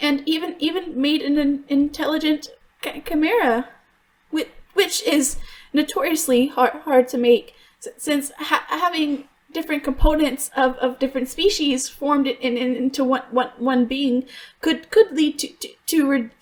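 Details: Stuttering in an adult female voice actress voicing a character who stutters; she reports she truly stutters, worse when extremely stressed, and genuinely struggled on some words here; character calls it a deep-rooted psychological issue not cured by attempts to fix it.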